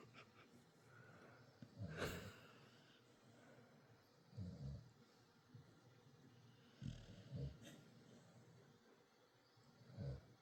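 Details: Loud snorting snores about every 2 to 3 seconds from a Dachshund/Beagle mix dog sleeping at night; dog snoring.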